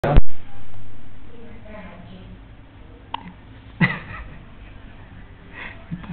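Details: A 1-month-old baby hiccuping: a few brief, sharp catches heard over background music and a voice; infant hiccups.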